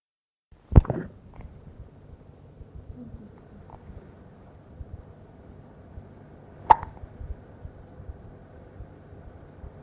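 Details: A 2-week-old infant girl gives two sharp, brief hiccups about six seconds apart in a quiet room; she had hiccups often in the womb. Infant hiccups.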